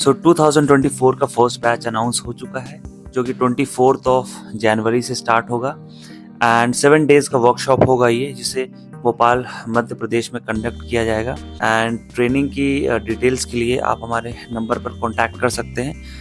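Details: Adult male speaker; fluent speech.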